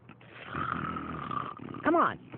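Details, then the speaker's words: Cartoon snoring from a Looney Tunes scene where Daffy is told to wake up: a long rasping inhale followed by a whistling, sliding exhale. "snoring wake up Daffy wake up all right fine do you need to fight so loudly I'm trying to sleep"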